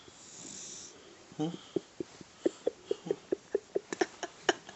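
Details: Rapid, regular short snorting breaths, about 12 in three seconds, from a sleeping 14-week-old puppy; light snoring.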